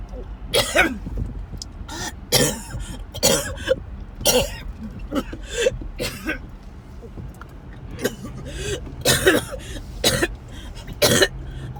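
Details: Repeated harsh coughing bursts in clusters with throat clearing between them over car noise, one of a series of attacks on the way to the emergency room; coughing fit.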